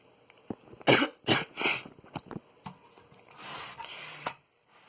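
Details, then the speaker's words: Three loud, harsh cough bursts in quick succession from an adult with a cold, sore throat and losing voice, followed by a softer breathy exhale. "sorry for my voice is just I have a floor cold or something in my throat is sore and I'm losing my voice because I'm talkin"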